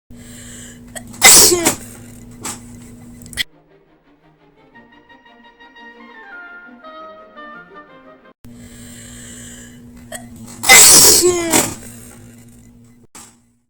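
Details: Me sneezing: two loud, sharp sneezes, each after a brief intake of breath, with a short musical interlude between.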